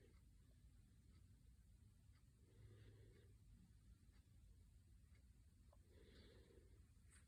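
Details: Soft, rough breathing sounds about every three seconds over a low room rumble: gentle snoring from a sleeping baby who also smiles while dreaming.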